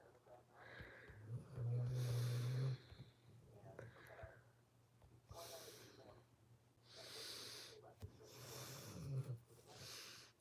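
A dog snoring, with rough, snorting breaths and occasional low rattling tones over a quiet room hum.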